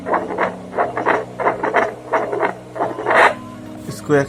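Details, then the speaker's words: Fetal Doppler demonstrated on an adult's own chest over the heart instead of a pregnant abdomen: rhythmic whooshing Doppler heartbeat pulses, about 85 per minute, over a steady hum. "मैं फिर से लगाऊंगा अपने हार्ट में, देखिए हार्ट का साउंड आ रहा है। तो इस तरीके से इसको यूज करना है।"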